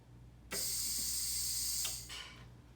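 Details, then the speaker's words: Anesthesia machine ventilator alarm triggered on purpose as a demonstration: steady high hiss with brief sputtering buzz, warning that airway pressure is over 20, which is dangerous for a patient. "you hear that noise that little I call it the little farting noise that is telling us our pressure is over 20 and that's a little dangerous for a patient"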